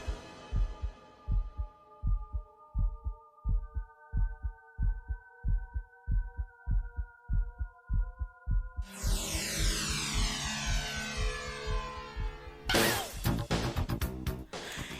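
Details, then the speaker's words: Steady low thumping heartbeat, about 95 beats a minute, under a sustained synth hum before music swells; normal heartbeat. "I mean he very famously right he very famously used his own heartbeat as the intro to the song Smooth Criminal."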